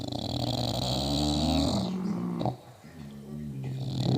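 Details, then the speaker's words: Dog Billy asleep on a couch, using his also-snoring sister Molly as a pillow, tongue moving as if dreaming; loud, rumbling, vibrating snoring with a quieter stretch between breaths. "I'd like to show you my dog Billy snoring, sleeping on a nice couch, using his sister Molly, who is also snoring, as a pillow."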